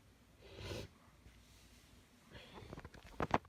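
A hissing in-breath, then a quiet pause, then a sudden sharp double burst of sneezing with a wet spray sound.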